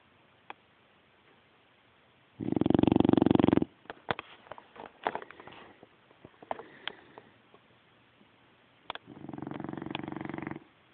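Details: Sleeping dog: two loud rattling snores with soft snuffling and sniffing between them; snoring.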